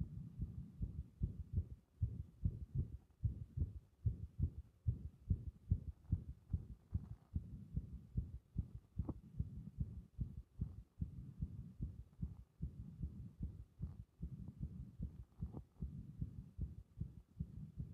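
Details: A heart in which compression triggers repeated arrhythmias: dull heartbeats at about 70 per minute with uneven spacing and intermittent extra or out-of-rhythm beats.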